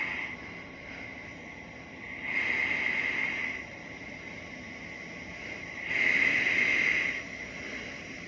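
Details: Steady airy hiss of a ResMed AirMini CPAP used with a nasal pillow mask, swelling twice with airflow: CPAP machine running.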